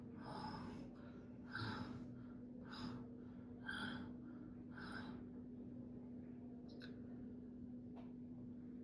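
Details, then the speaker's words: Rapid noisy breaths, about five in five seconds, with a whistling edge over a steady hum; wheeze in a child with tracheomalacia of the lower trachea. "कुछ बच्चों में जिनमें ट्रैकियोमलेशिया lower part में होता है उनमें ये problem वीज या विस्लिंग साउंड के तौर पे हो सकती है, कुछ इस तरह।"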